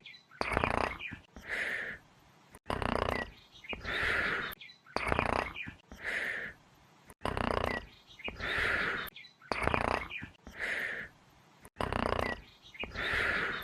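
Game sound effect of rhythmic snoring: a rough inhaled snore followed by an airy exhale, repeating about every 2.3 seconds.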